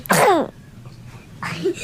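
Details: Baby sneezing: repeated sneezes from a baby.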